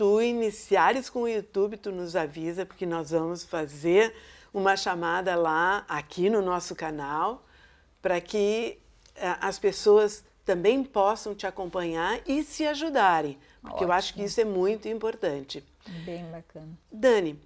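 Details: Adult woman speaking Portuguese; Normal speech.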